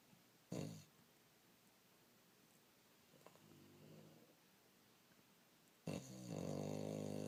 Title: Brozer the bulldog snoring and flappy lips.